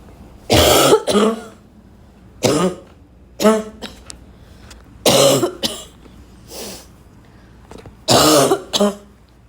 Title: my yesterday cough